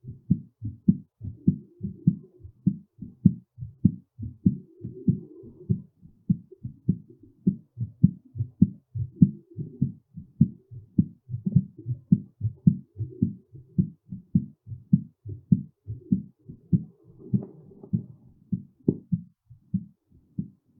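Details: Fast, strong heartbeat of about 100 beats a minute, during and after physical exertion.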